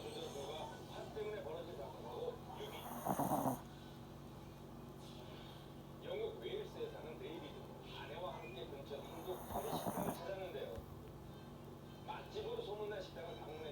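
Two or three soft rattling snore bursts from a sleeping puppy over steady low room hum; ordinary snoring.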